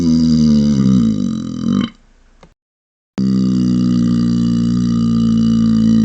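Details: Voluntary closed-mouth burps: long, loud, droning, muffled rumbling belches with a brief silent gap between them.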